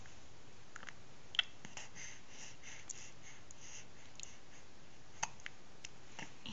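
Quiet room with a few faint, sharp little catches spaced seconds apart, fitting hiccups.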